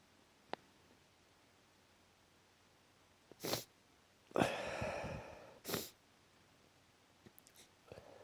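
Two or three sharp bursts of sneezing in quiet, one with a drawn-out noisy release; allergic sneezing.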